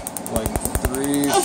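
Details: Rapid evenly spaced sharp snapping pulses, about ten a second, from a MedLite C6 Q-switched laser during a short test spot and pass removing a name tattoo on a client.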